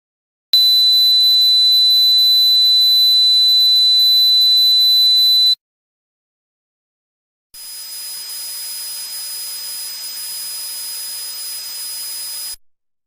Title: Sound of Tinnitus